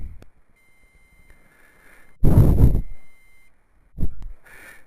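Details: Retinomax 1 handheld autorefractor after measuring a model eye and pressing print; thin steady electronic tone alongside handling clicks and rustling, normal instrument sound.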